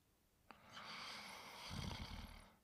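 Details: Sleeping subject snoring: a single long, noisy breath ending in a low rumbling snore.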